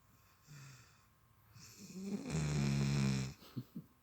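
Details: Kovu, a sleeping dog: one deep, loud, rumbling snore on a breath in, followed by soft snuffles; snoring.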